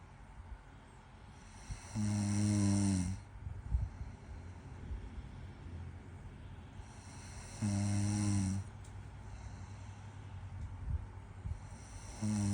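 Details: Girlfriend snoring during sleep: loud, low, rumbling snores on each in-breath, about 11 a minute, with quiet gaps between; typical snoring.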